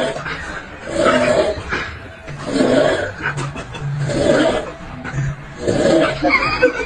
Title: Funny Snoring Momments #shorts